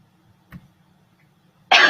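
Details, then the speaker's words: A faint throat-clear, then one short, forceful cough burst, from a COUGHVID crowdsourced recording of a person labelled healthy. It is described as a voluntary rather than an involuntary cough. "yeah so you can see they're kind of clearing their throats or not really that's that bad it doesn't have that it's sort of a voluntary cough instead of an involuntary cough"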